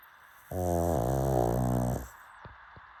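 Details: Pug dog snoring: one long, loud, buzzing snore lasting about a second and a half.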